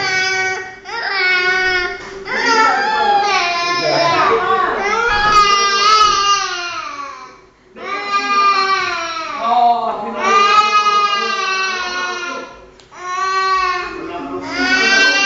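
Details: Loud, sustained wailing of a young child in long drawn-out bursts with brief breaths between; ordinary upset crying.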